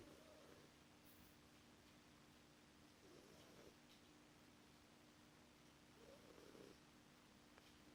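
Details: A cat snoring gently: very soft, rhythmic snuffling snores about every three seconds, roughly 20 a minute, over quiet room hiss.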